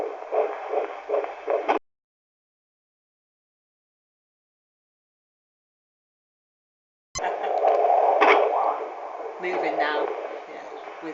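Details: Fetal heartbeat on Doppler, rapid and whooshing at about 158 a minute, with jerky bumps from fetal hiccups that sound like a duck quacking.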